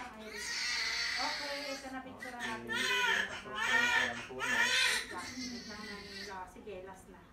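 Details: Newborn baby boy just after normal vaginal delivery in a delivery room: repeated high-pitched cries with brief pauses between bursts and some room noise.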